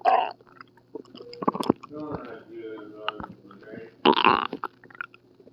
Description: okay so I was at the hospital for an upset stomach and I caught some really good tummy grawls so I recorded this audio once the nurse left for another patient / I am feeling better now 😊